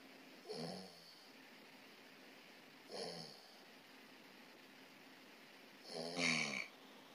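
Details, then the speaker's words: Simple snoring during sleep. "이걸 사례는 단순한 거리 소비 및 그냥 이렇게 빠질 수 있겠죠"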